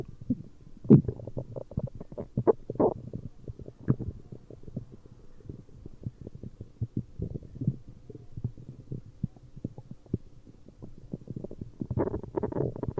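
Irregular gurgling and rumbling runs with bubbling bursts: stomach growling, ordinary bowel sounds.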